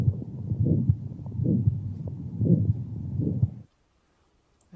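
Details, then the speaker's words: Elderly man with aortic stenosis: high-pitched, loud ejection systolic murmur audible throughout the precordium, loudest over the aortic area, radiating to the carotids, with a quiet second heart sound. "He has a high-pitched and loud ejection systolic murmur which is audible throughout the precordium but loudest over the aortic area and does radiate to the corroteds."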